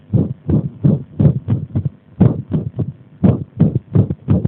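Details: Strong heart sounds with uneven spacing and occasional pauses between beats, an irregular rhythm; the arrhythmia was deliberately induced by applying compression.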